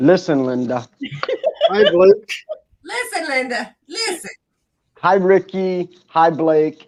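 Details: Adult speaker; normal speech.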